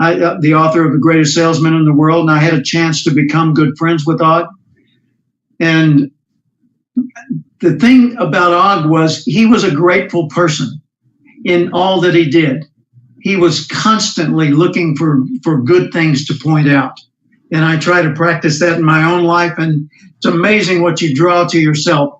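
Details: Adult male speaker; normal speech.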